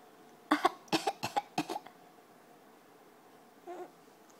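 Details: Child gives a quick run of about four short, dry, deliberate fake coughs, then stops.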